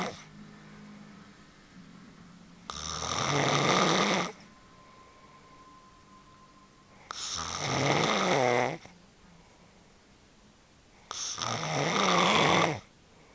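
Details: Adult woman asleep: three loud, harsh, rattling snores on the in-breath about four seconds apart, with quiet pauses between; snoring.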